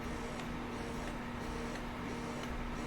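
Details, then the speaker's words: Momcozy S12 wearable single electric breast pump, 24mm flange, switched to expression mode after let-down, on level one: steady low motor hum with faint regular pulses. "once you get your let down you can easily press the m button again which is for mode and that will switch you to the expression mode this is the expression mode it's just a simple"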